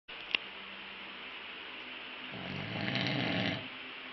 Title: snoring